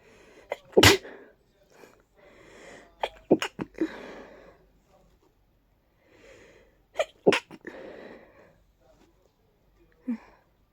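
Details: Person with allergies, stuffy all day, in a powerful sneezing fit: several forceful, partly stifled sneezes with nasal, stuffy breathing between them.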